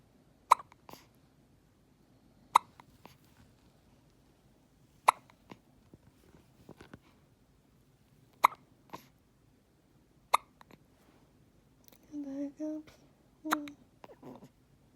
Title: Tillie with hiccups